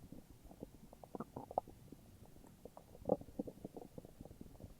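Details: Morning stomach growling in an adult: irregular low gurgles and rumbles, ordinary bowel sounds from gas and fluid moving; borborygmi.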